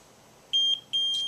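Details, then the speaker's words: Hospira Plum XL infusion pump, audible alarm switch in low position, sounds repeated high-pitched electronic beeps during the pre-use alarm check required by an FDA recall before switching to high; alarm working means unit ready. "when we hear it, we switch to the high position. If we hear that alarm, then the unit is ready for use."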